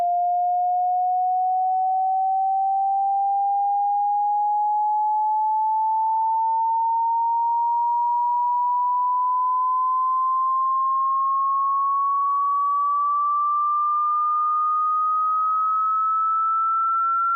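A single steady pure tone rising slowly in pitch, used to check hearing or match the pitch of tinnitus.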